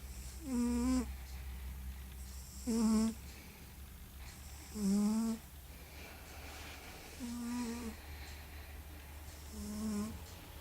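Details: Lithuanian cat snoring: five tonal, whistling snores at about 28 per minute, one on each in-breath, over a low steady room hum.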